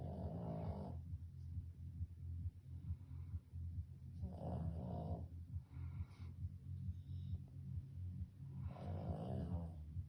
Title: #dog#Snoring#sleeping